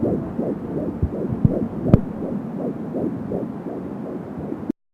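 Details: Fetal heartbeat at 13 weeks of pregnancy on an Angel Sound home fetal Doppler: rapid, regular whooshing pulses at about 170 beats a minute, with whooshing umbilical cord sounds.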